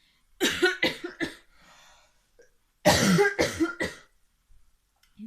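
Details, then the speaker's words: Coughing fits in an adult getting over a chest infection, who says they sound like a smoker: two bouts of three harsh, forceful coughs each, six in all. "just no good i sound like a smoker donna"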